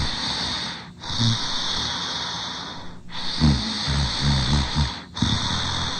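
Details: Bully dog sleeping and drooling, loud rough snoring breaths with snorting and wet bubbly quality, about three breaths over six seconds; noisy breathing.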